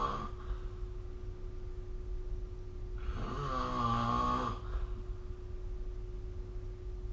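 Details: Snoring recorded with the SnoreLab phone app: one loud rasping snore on an in-breath between quiet breathing, over a steady background hum; ordinary snoring during sleep.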